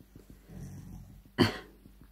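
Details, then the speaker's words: Soft, low, rumbling snore from a sleeping pet dog, followed by a brief sharp snort, over faint room noise. "Je suis désolé he vous entendez des petits ronflements mais c'est à pépète là. Alors là partie au pays des rêves."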